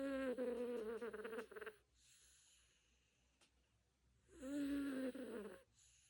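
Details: Cat snoring while asleep: two buzzy, fluttering snores on the in-breaths, about four seconds apart, with quiet pauses between.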